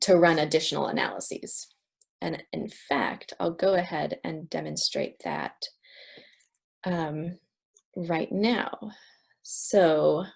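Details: Adult speaker; no disorder.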